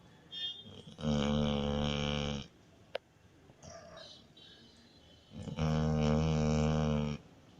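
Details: Labrador retriever puppy snoring while asleep: loud, deep, buzzing snores on each in-breath, separated by quiet whistling out-breaths; snoring.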